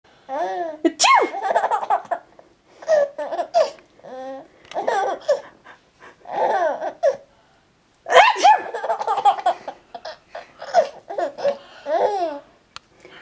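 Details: Sneeze followed by a baby giggling: voiced laughter with a quick sneeze-like burst mixed in.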